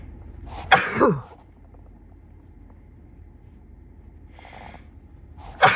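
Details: An adult sneezing in a car after the first spring hike: two sharp sneezes with a faint in-breath between and the start of a third, over steady air-conditioning hum. Repeated sneezing from pollen.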